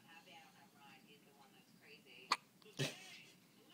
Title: 1st day alive hiccups